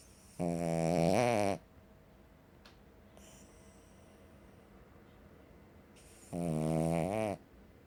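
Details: Cavalier King Charles Spaniel dog: two loud, buzzing, droning snores about five seconds apart with quiet breathing between, likened to a chainsaw; heavy snoring.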